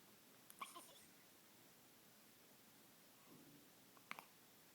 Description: hiccuping.